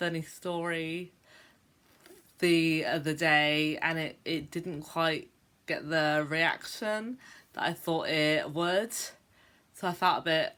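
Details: Stuttering in an adult woman who stammers, on a day she describes as a bad day for her stammer.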